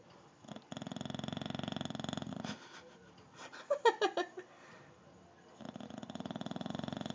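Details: Bulldog snoring very loudly while sleeping in a clothes basket: rapid fluttering buzz on each breath with a few snorts between.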